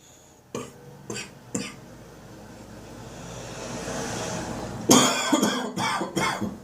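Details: Adult waking in the summer morning with a recurring congested cough: about seven wet coughs in two bouts.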